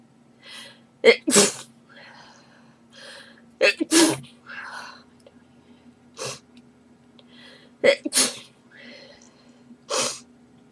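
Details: A girl answering the phone sneezes about six times in rapid clusters, with short breaths and soft speech between them; a sneezing fit, possibly allergic.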